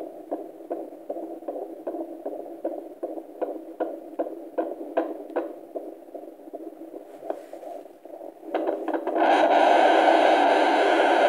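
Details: Fetal heart on Doppler at 26 weeks 5 days of pregnancy: fast, regular whooshing at about 150–160 beats a minute, ending in loud static.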